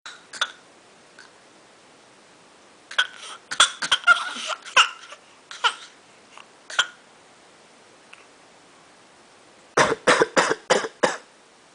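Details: A young child makes short, light pretend coughs, ending in a quick run of about five, learned as a way to communicate while her father was sick; imitated cough.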